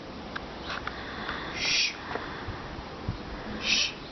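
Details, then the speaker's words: A vocal imitation of equine heart auscultation in which soft hissing murmurs replace the systolic phase, demonstrating how a systolic heart murmur sounds in a horse. "un soplo en el caballo se escucha como un murmullo común este como un ruido así similar un parecido ya Entonces en un soplo sistólico se va a escuchar esto"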